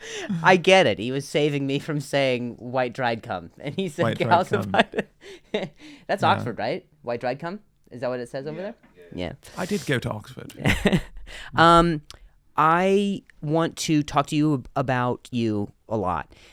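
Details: Male comedian with a stutter, in real conversational speech on his podcast; stuttering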